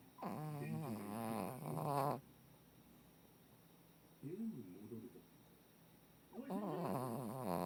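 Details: 14-year-old female Shih Tzu dog snoring, long-standing habit: loud, drawn-out snoring with a wavering, nasal, almost vocal quality, in two long bouts and one short one separated by quiet.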